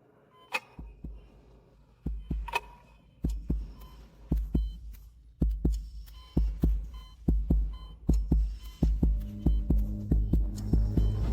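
Irregular thumping heartbeat with monitor beeps and dramatic music, about 69 a minute, sounding uneven; a dramatized abnormal heart rhythm.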